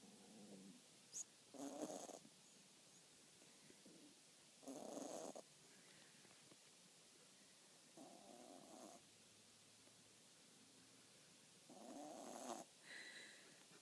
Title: Cavapoo puppy snores #dog